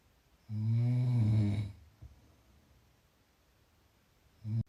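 One loud, low, rattling snore on an in-breath, then quiet, and the next snore beginning at the end.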